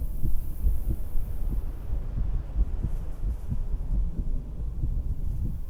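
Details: Soft, regular low heartbeats, about 75 a minute, from a woman's own heart via stethoscope while sitting on a beach-house porch, under wind, surf and seagull noise; normal heartbeat.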